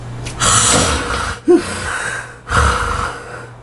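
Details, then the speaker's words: Sleeper with obstructive sleep apnea struggling for air, twisting and moaning: noisy, effortful snoring breaths with a sharp snorting gasp in between. "숨을 쉬려고 안간힘을 쓰던 그는 고통스러운지 몸을 뒤틀고 신음소리를 내기도 했다."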